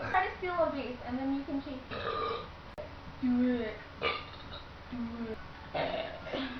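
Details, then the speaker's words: Several short, low, croaky voiced belches amid quiet background talk; deliberate burping after drinking Jolt energy drink, which previously gave the drinker big burps. "We're drinking up some Jolt, because I remember last time I drank Jolt, I had like the beastliest burps ever."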